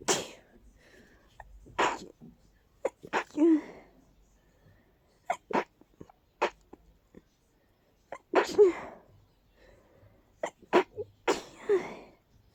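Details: Powerful, stuffy sneezing fit: repeated stifled, muffled sneezes with sharp sniffs and quiet gaps, in a person whose allergies are flaring in full bloom after being congested all day.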